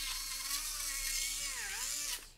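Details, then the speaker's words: Dental implant drill, freehand, in a foam bone model block with dense D1 foam beside soft foam. A high-pitched whine dips under load and winds down as the third drill wanders into the soft foam, enlarging the hole. "yeah so it's it's wallering around that's a term we use in the South here meaning it's not staying on Target and it's moving around it's making my hole considerably larger than the drill that I'm actually using at the time"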